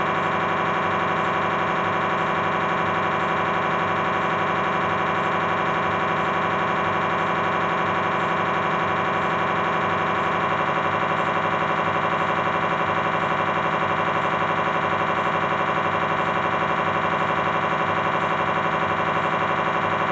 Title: MRI-Sounds Lower Spine, Philips 1.5T